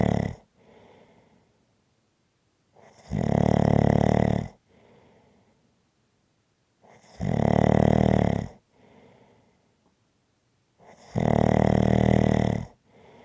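Loud rattling snores on each breath in, about 15 breaths a minute, with soft breaths out between them.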